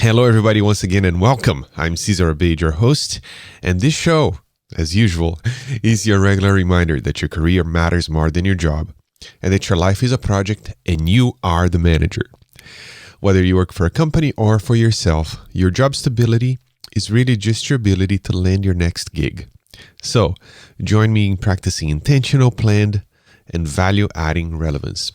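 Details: Adult male speaker; Normal adult speech.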